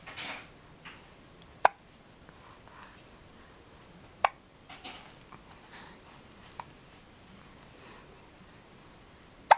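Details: Hiccups in a 6-month-old baby: sharp, brief clicks repeating every few seconds in a quiet room with soft breathing.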